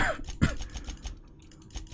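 One short, low, throaty cough or throat clear from an adult, with keyboard clicking around it.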